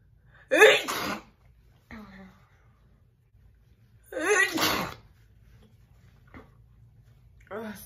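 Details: Two loud, explosive, wet sneezes from a woman with a sharp breath between them and a third starting at the end, in a big loud sneeze recording.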